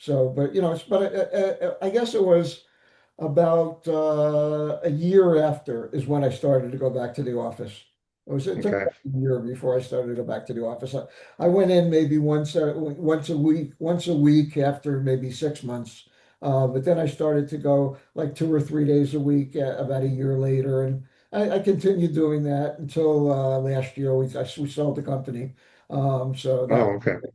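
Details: Adult man with aphasia after ischemic stroke complicated by ARDS; initially could not speak sensibly, read or recognise letters; nearly nine years on, still in weekly speech therapy; aphasia after stroke.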